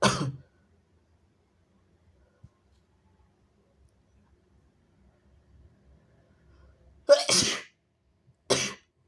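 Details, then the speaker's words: Strong sneezes from an adult: three forceful, sharp explosive bursts of air, the last two close together after a quiet pause. "Oh my god. Excuse me. It was so big. Whoa. I sneezed on you."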